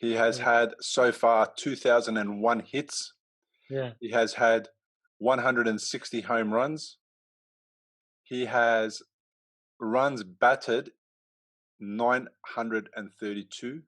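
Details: Adult male speaker; speech.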